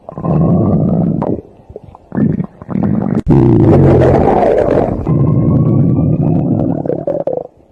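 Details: Loud, drawn-out gurgling and rumbling stomach noises from a sleeping rabbit; ordinary stomach growling (borborygmi).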